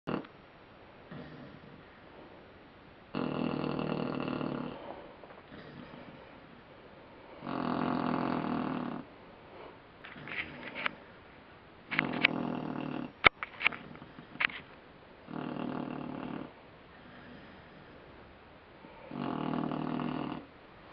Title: Snoring Puppy